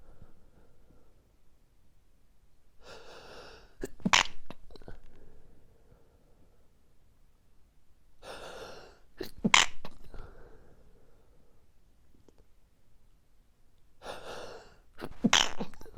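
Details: Morning allergic sneezing fit, which happens every morning and lasted five more minutes after recording: three sneezes about six seconds apart, each preceded by a sharp in-breath.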